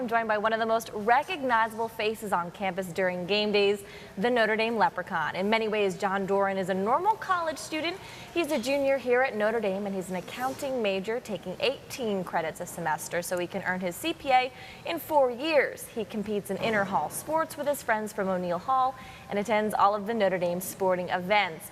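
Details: Adult woman narrating; normal speech.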